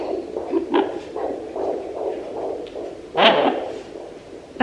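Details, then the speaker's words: Fetal heartbeat on a home fetal Doppler: rapid, regular galloping whooshes at about 145–147 per minute, which the mother believes is the baby's heartbeat rather than the whooshing placental blood flow. "heart beats more of a gallop i'm pretty sure it's a heartbeat yeah 145 is heart rate"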